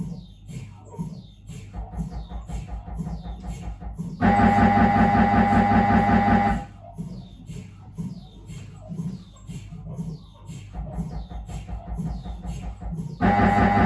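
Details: Siemens Magnetom Avanto 1.5T MRI scanner running a routine head scan sequence: rhythmic mechanical knocking and buzzing with loud sustained droning tone bursts; normal machine noise.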